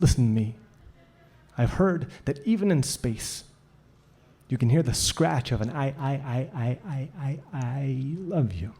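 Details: Male poet with a stutter, still felt in his throat after hundreds of hours of practice, imitating a sound repetition in performance; stuttering (imitated sound repetition).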